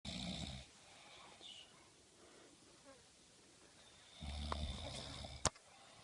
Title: صوت الشخير المزعج